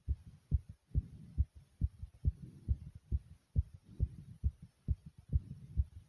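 Strong, regular low thumps at about 136 beats a minute, a fast and forceful heartbeat.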